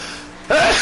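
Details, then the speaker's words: A quiet in-breath, then one sudden, loud, explosive sneeze while a racer narrates track practice; he then says the sneeze cost him. "Okay, now I'm done with that. Sneezing cost me 4/10."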